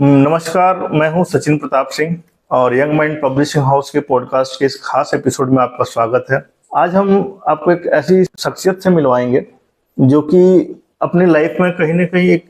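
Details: Adult male speaker; normal fluent speech.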